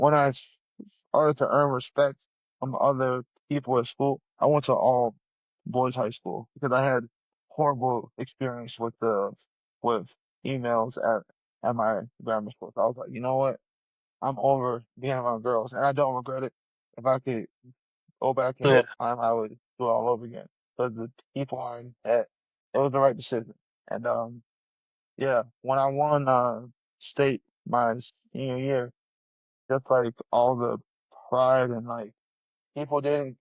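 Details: 34-year-old male UFC heavyweight fighter with a lifelong, persisting stutter since childhood, noticed in school, with hard blocks on 's' words and on his own name; stuttering.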